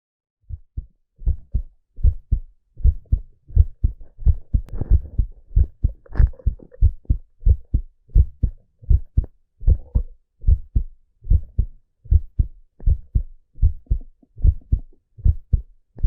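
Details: Steady, regular paired low thumps at about 75 beats a minute: a normal male heartbeat.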